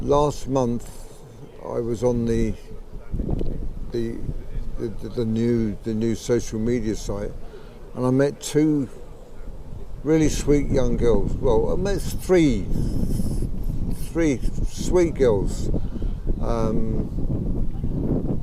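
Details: 63-year-old man with Parkinson's disease for 15 years who developed a stammer at about age 63, about 15 months earlier; thought to be Parkinson's-related, worse when emotional, excited or talking fast; sees a speech therapist; stuttering (late-onset, Parkinson's-related).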